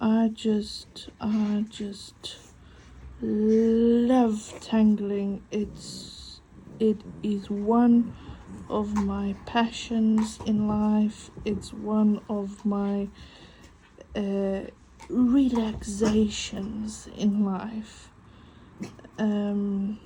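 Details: Stuttering in an adult woman, self-reported as mainly on vowel-initial (A, I, O, U) and W words and on long words; she copes with breathing techniques and a stuttering device on her phone.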